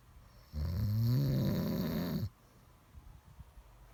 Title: Snoring Sounds